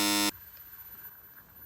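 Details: Age-based hearing test played at home by a family, one girl with tinnitus attributed to AirPods; a brief, loud, high steady tone, then quiet room noise, meant to be audible mainly to younger listeners.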